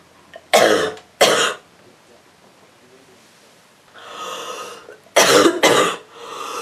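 Four harsh, explosive coughs in two pairs, separated by noisy breaths; a rough cough with a cold.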